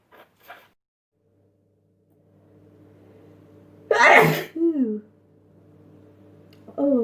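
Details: Sneezing compilation: one loud explosive sneeze with a short voiced tail over faint background hum; a single sneeze.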